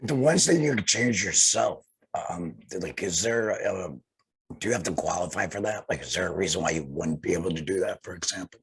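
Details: Laryngectomee speaking with a tracheoesophageal voice prosthesis (TEP); tracheoesophageal speech after laryngectomy.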